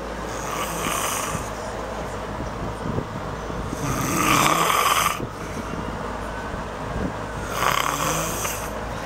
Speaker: Fan is going. It's like 0 degrees outside. That window we got open part way. And she is snoring.